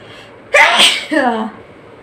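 A single forceful sneeze: a sharp voiced burst followed by a short falling vocal tail.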